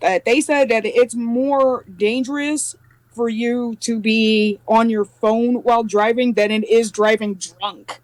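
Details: Adult speaker; normal speech.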